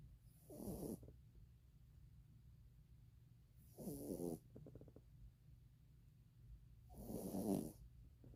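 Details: Sleeping dog snoring: three rattling, fluttering snores about 3 seconds apart, roughly 18 a minute.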